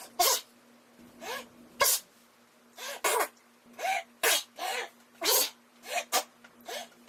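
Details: Sneeze (imitated, repeated).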